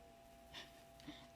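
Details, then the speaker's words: Cat snoring while asleep standing up; a wheezing-like snore heard from the other side of a table. "Sounds like a wheezing sound, but she's standing up. She's asleep standing up on the other side of this table."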